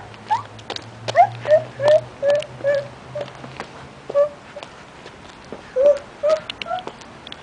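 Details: Short, sharp voiced catches in the breath at irregular intervals, some with a faint squeak, over a soft background hum; hiccups in a young child who says she has hiccups.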